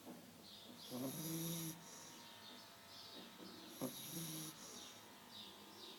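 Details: Soft, rhythmic snoring from a deep-sleeping new puppy, with two louder snorting inhalations of low buzzy tone and faint hissy exhales between; quiet room: snoring.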